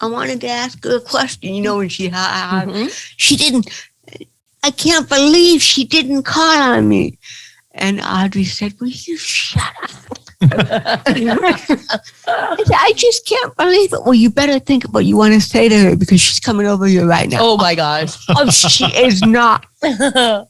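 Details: Dysarthria in an adult woman with cerebral palsy, a stand-up comedian.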